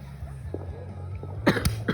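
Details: A quiet low hum followed by two or three short, abrupt cough bursts near the end; cough.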